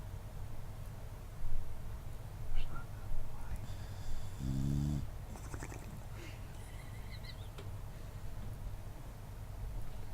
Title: Lola the boxer snoring